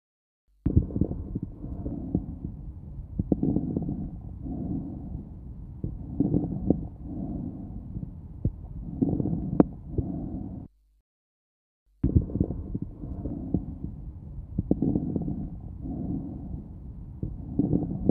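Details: Bronchial breathing with inspiratory crackles.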